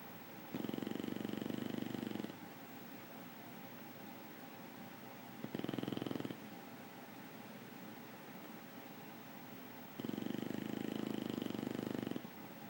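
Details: Snoring: three long, rattling snores about every five seconds, each roughly two seconds long, with quiet breathing between them; ordinary snoring at about 12 breaths a minute.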